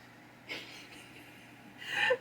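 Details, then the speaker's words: Faint background snorts and a rougher, noisy breath from an adult man asleep on a bed, snoring despite being woken three times; a dog nearby also snoring; heard against quiet room noise. "If you hear that snoring in the background, that is my husband. He fell asleep on the bed. I have woken him up three times because he snores."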